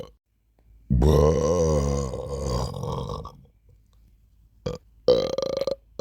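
A long, drawn-out voiced burp followed by two shorter burps in a quiet room.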